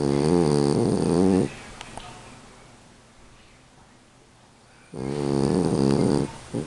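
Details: Dog sleeping; two loud, buzzing, fluttering snores separated by a quiet pause; snoring.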